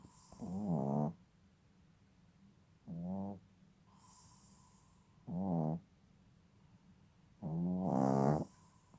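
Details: Sleeping young cat, nearly 6 months old, snoring rhythmically: about 24 breaths a minute, each breath a short vibrating snore.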